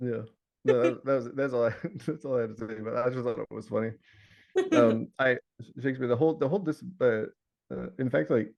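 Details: Adult man with Tourette syndrome whose recurring vocal tic, the word "Shakespeare", is interjected into ordinary speech; he also has word tics and shouting tics; vocal tic (Tourette syndrome).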